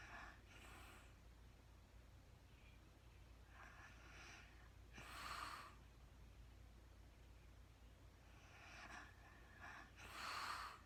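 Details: Real-time recording of a woman snoring lightly during sleep, with soft, irregular breathy snorts and gasping breaths about 12 a minute over low room hum; no talking.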